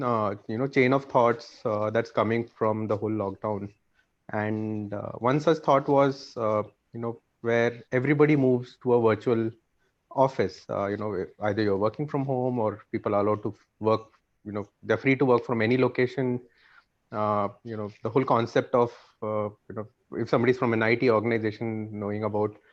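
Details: Adult male speaker; fluent speech.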